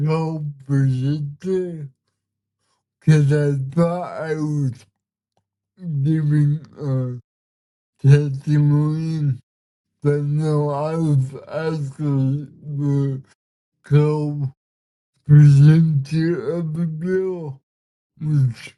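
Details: 32-year-old man with cerebral palsy, speaking in a real conversation; dysarthria (cerebral palsy).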